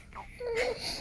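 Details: A brief whimpering cry rising into a short wail, about a second long, from a young child named in caption as a baby; crying.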